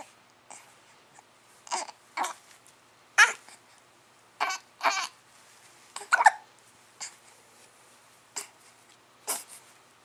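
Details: Hiccups: short, sharp little catches of breath repeating every few seconds in a quiet room.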